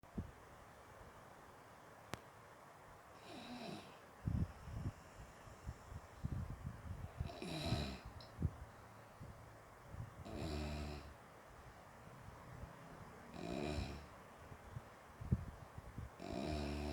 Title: Suara ngorok